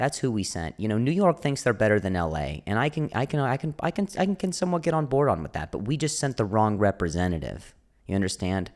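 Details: Stuttering in an adult male comedian with a stutter, described as a speech impediment; audible repetitions are present.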